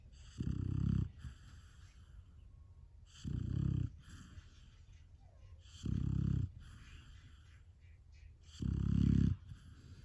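Four low, rumbling snores about every 2.7 seconds, roughly 22 breaths a minute, over steady room hum; ordinary snoring in a sleeping puppy.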